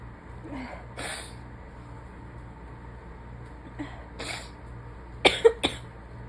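Two forceful, wet sneezes, each after a short intake of breath, then a quick run of three sharper bursts. Repeated sneezing.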